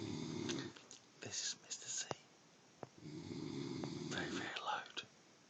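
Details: Two long, rough, rattling snoring breaths a few seconds apart, with faint room sounds between them; snoring.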